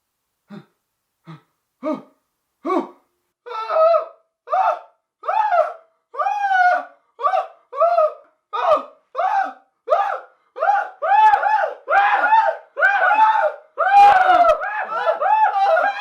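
A run of short voiced gasps that grow louder and closer together, like a build-up before a sneeze. No sneeze is heard.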